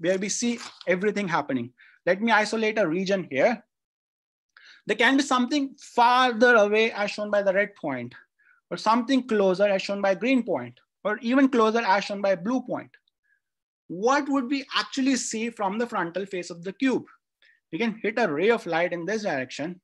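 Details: Adult speaker; normal speech.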